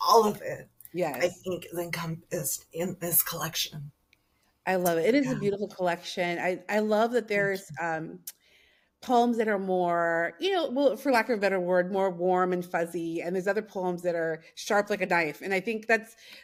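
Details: Adult woman speaking, brief exchange with another voice; normal fluent speech.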